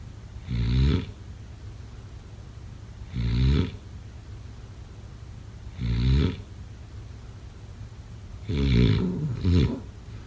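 Loud, rattling snores about every two and a half seconds, roughly 23 a minute, with a double snore at the end; quiet between them.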